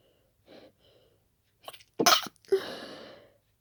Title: Strong Stifled Dust and Pollen Sneezes